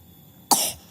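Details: A baby boy coughing: one short, sharp cough over a faint background hum.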